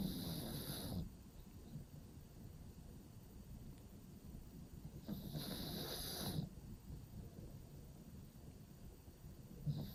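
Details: Pug sleeping in a cave-style pet bed, snoring: rattling inhalations with a whistling hiss, about 12 breaths a minute.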